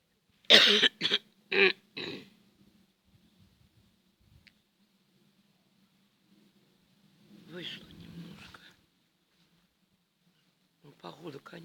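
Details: Woman on a cold morning, cough newly appeared, woke at 6 after poor sleep: a run of four short coughs, then quiet throat sounds and brief voiced noises; an acute cough.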